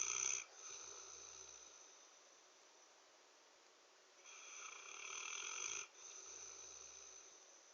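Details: Long, rough, rattling snores on each breath in, separated by quieter breathing out; ordinary snoring, followed by someone trying to wake the sleeper.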